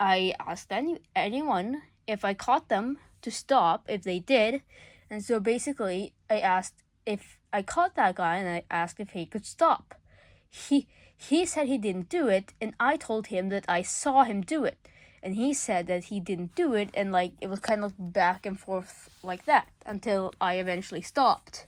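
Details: Male speaker under legal guardianship who self-reports stuttering a lot: real stuttering.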